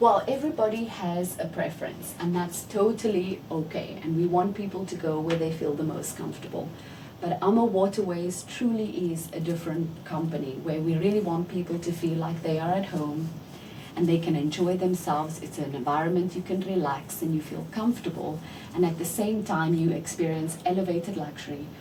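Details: Adult woman speaking; typical speech.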